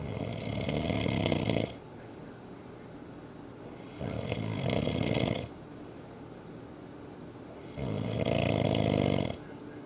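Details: Adult man snoring very loudly in sleep, reportedly louder after drinking: loud harsh rattling snores on each breath in, about three in ten seconds; heavy snoring.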